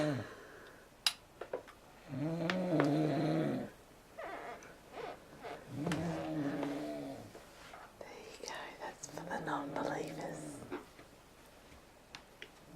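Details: Adult man snoring in bed: three long, buzzing, vibrating snores roughly every four seconds, about 15 breaths a minute, with quiet pauses between; ordinary snoring.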